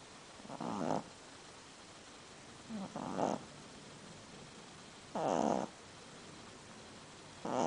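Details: Pug dog who snores all the time: soft rattling snores with each breath, about every two and a half seconds, in a quiet room; snoring.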